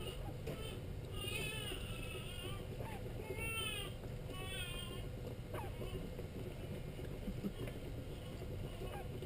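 Several short, rising and falling infant cries over steady low background noise, like a vehicle or engine hum; an ordinary infant cry.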